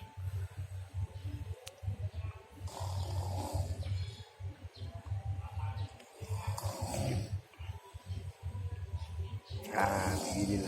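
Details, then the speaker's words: A sleeping person gives rough, low, rattling snores in repeated long bouts with short pauses, over steady room noise; snoring. "Halo guys, kita lihat seseorang tidur guys. Oke, kita ngintip orang tidur ya guys ya. Gimana rupanya tidur? Kayak gini guys."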